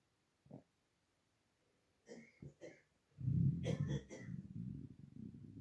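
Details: Loud hunger stomach rumbling, audible even without a microphone: a few short gurgles, then a long, low, bubbling rumble; normal bowel sounds (borborygmi) from an empty stomach.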